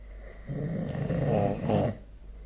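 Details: Snoring recorded with the SnoreLab app: a single rough, low, rattling breath of about one and a half seconds against quiet room noise.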